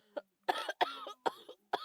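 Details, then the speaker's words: Person ill with a bad cough and cold again, unwell and hoarse while gaming: four or five short, harsh, throaty coughs in rapid succession. "I feel terrible. I'm sorry guys, but I feel so ill. You might not know why I'm like this. It's because I still have the bad cough and colds again."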